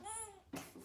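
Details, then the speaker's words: Baby fussing during a burping demonstration by pediatricians: brief high-pitched wavering fuss then a short lower vocal burst in a quiet room, cue for a pause. "If your baby's growing well and gaining weight appropriately, oh, now you're fussing, so maybe you need a pause."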